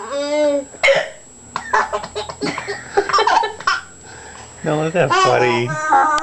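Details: Mother's hiccups, short abrupt catching sounds, with her baby son's bright laughter in response; hiccups.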